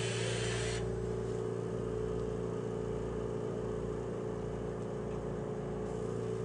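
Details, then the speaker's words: Adult ventilator start-up short self-test (SST) with a heated-wire adult circuit during respiratory therapy training: a steady mechanical hum with soft hiss and low pulsing as it checks flow, circuit pressure, leak, expiratory filter and circuit resistance. "turn on the ventilator push the SST to test selecting heated wire adult patient except and these are the things that the VIN is testing the flow the circuit pressure the leak the expiratory filter the circuit resistance and the"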